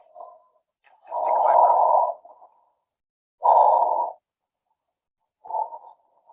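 Low-pitched, snoring, musical sounds swell with each breath, roughly 30 breaths a minute, with quiet gaps between: rhonchi.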